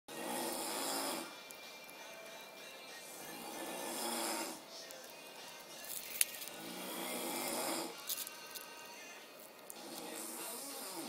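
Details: Snoring in a sleeping Asian adult male roommate: repeated rough, rattling breaths, about 18 a minute, over faint background music.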